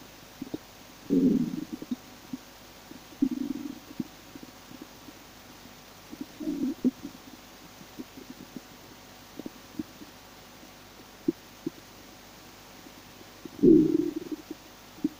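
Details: Four low gurgling rumbles over fifteen seconds in a quiet room from the empty stomach of a person who says they are starving: stomach growling, ordinary hunger bowel sounds (borborygmi).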